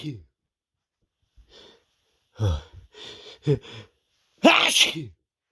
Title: big build up sneezes (m)